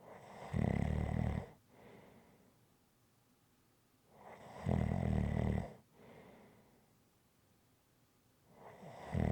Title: Rhythmic Snoring Sounds ZZzzz